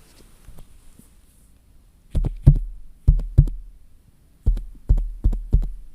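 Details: Acted ASMR nurse roleplay, repeat listen on a patient on beta blockers described as regularly irregular: four lub-dub heartbeats, slightly uneven spacing, about 65 a minute; heart sounds.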